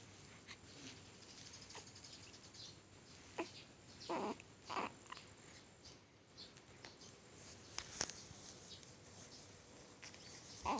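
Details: Two small, sharp sneezes from a 1-week-old baby, with a few fainter snuffles and squeaks in a quiet room; ordinary infant sneezing.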